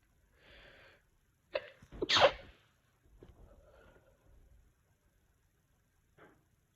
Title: Sneezing